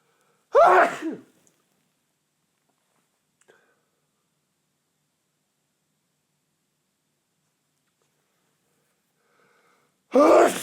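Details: Male with a tickly nose: two sharp, forceful sneezes separated by about nine seconds of near silence, during a run of repeated sneezes; ordinary sneezing.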